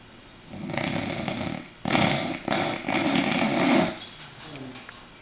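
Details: Sleeping bulldog snoring: loud, harsh, rumbling snores in several bursts.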